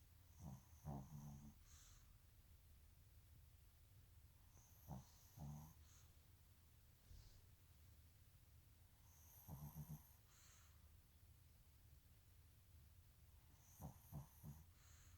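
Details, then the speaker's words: Soft, low snoring from a sleeping female, recurring about every 4–5 seconds (roughly 13 per minute), with quiet room noise between; snoring. "sleepy when she's snoring."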